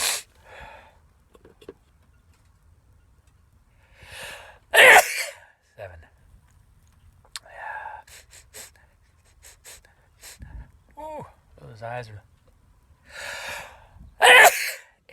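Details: Run of sneezes in a row, each preceded by a sharp in-breath, sniffs and brief groans between; ordinary repeated sneezing.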